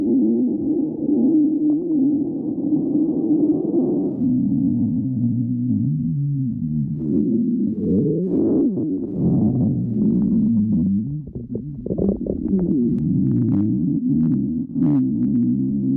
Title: Tricky stomach growling